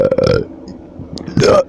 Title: A short one - burp compilation 10 - DOUBLE DIGITS!